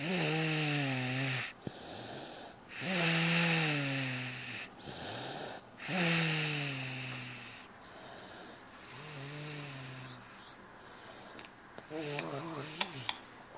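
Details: Rhythmic snoring from a child asleep at about 8:30 pm after a long, rough day, with a steady low rumble on each breath, about 20 breaths a minute.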